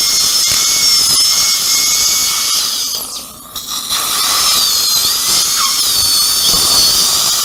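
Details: Upper second molar sectioned with a diamond bur before immediate implant placement, roots fused like a single root: loud, high-pitched dental drill whine with water spray, dipping briefly as the bur works on the tooth.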